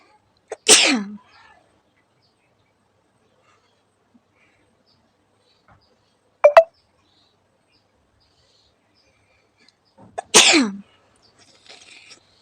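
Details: Sneezes deliberately induced by poking the nose with a stick during a sneezing challenge: two loud, sharp sneezes with a brief spoken exclamation between them.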